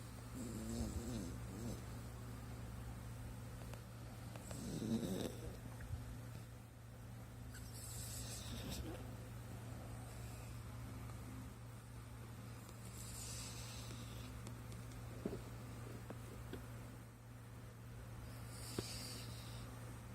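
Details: Sleeping Japanese spitz puppy: soft, low snuffling snores over a steady electrical hum in a quiet room; snoring.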